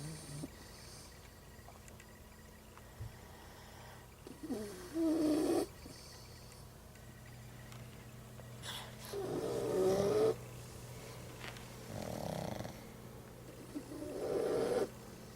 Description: 2yr. old Pug and 3 month old English Bulldog snoring.